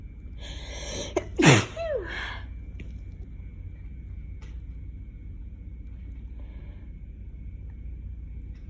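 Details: Single forceful sneeze after a quick inward breath, with a short vocal tail, in a person who had a summer cold on top of allergies over the last few days.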